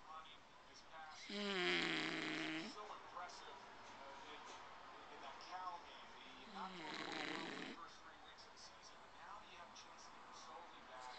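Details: Sleeping bulldog snoring after a long day: two long, rattling snores with quieter noisy breathing between them.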